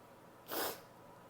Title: Attempted Spray sneezes (F)